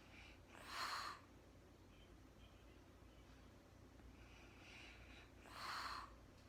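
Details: Woman recorded in real time sleeping through the night, very tired, not talking: two short snorting breath noises about five seconds apart with quiet breathing between; light snoring.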